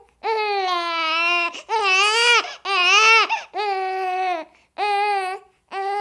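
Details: Loud, high, sustained wails in repeated bursts with short breaths between from a baby, in a 30-minute crying-baby sound-effect recording: infant crying.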